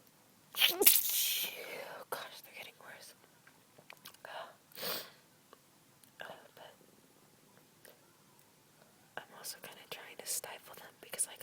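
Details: Two stifled sneezes from an adult, short muffled bursts of air with quiet breathing and sniffles between; sneezing after cleaning a dusty closet, possibly dust, while recovering from a cold with slight congestion; stifled sneeze.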